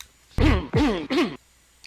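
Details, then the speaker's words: Adult with COVID-19 during a TV appearance: three short, dry, voiced coughs close together with no mucus rattle; dry cough. "here is what the dry cough sounds like that came from a prime minister three different times he coughed during his TV appearance and he had already contracted the virus here it is"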